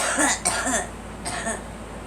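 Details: Girl coughing: two short, harsh, throat-clearing cough bursts while being urged to "let it out"; pollen mentioned as a cause.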